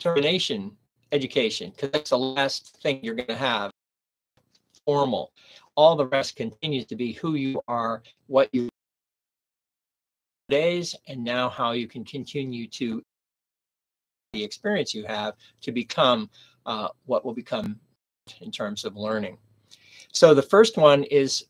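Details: Adult man speaking; aphasia (post-stroke).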